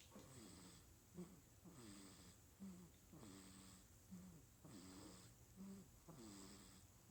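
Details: Preemie baby boy asleep before his bottle feeding, bib on: regular, rattly snoring with each breath, roughly 40 breaths a minute.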